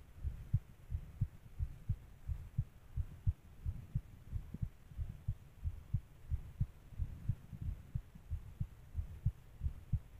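Regular low thumping heartbeat at roughly 88 beats a minute over a steady hum; the rate sounds within the ordinary adult range.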